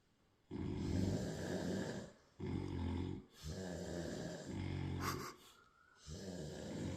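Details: Loud, rough, rattling heavy snoring in repeated breaths of about two seconds with brief quiet gaps, during a nap between rounds of drinking.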